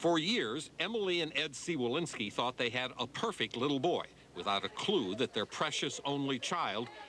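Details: Adult male narrator; Normal speech.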